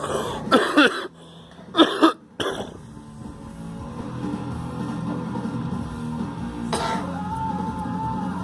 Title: Girl coughing